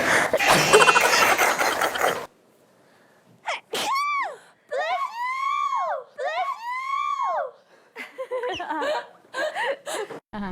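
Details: Short, sharp high-pitched sneeze bursts and gasps from K-pop idols after noisy applause, with laughter and "bless you" nearby; ordinary sneezing.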